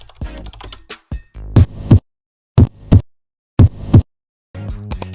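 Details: Normal heart sounds, clear lub-dub pairs at about 60 beats a minute with no extra sounds, from a nursing cardiac auscultation teaching clip.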